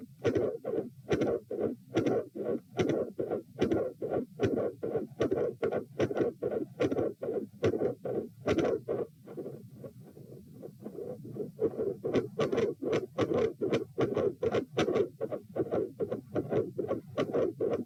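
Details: Heart sounds recorded at position P during provoking manoeuvres (Valsalva, standing then lying, lying on each side), with split S1 and S2: a rough heartbeat near 74 per minute with a regurgitant murmur after S2, a quiet spell, then a machinery murmur, with extreme intensity changes.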